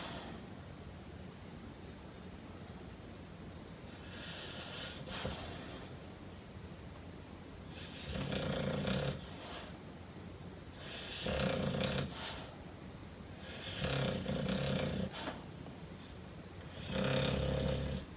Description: Hank my Mastiff snoring and dreaming on chair.